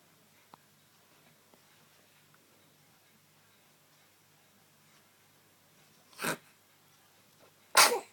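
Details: Infant sneezing: two quick, sharp bursts in a quiet room, a small one then a louder one.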